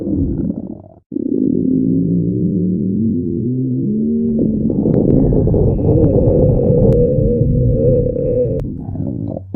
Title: Stomach Rumbling And Hunger